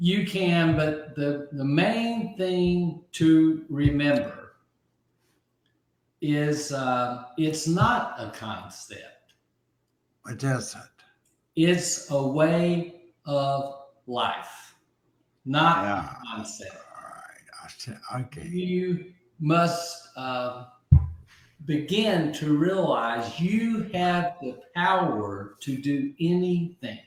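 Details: Aphasia in an adult man after a stroke about 15 months earlier; at first he could not be understood at all, and he has since relearned over 20,000 words.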